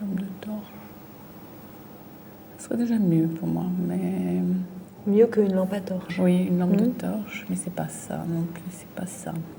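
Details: Woman with aphasia from a brain lesion, fluent speech with word substitutions and distorted words while searching for a word in picture description; fluent aphasia with word-finding difficulty.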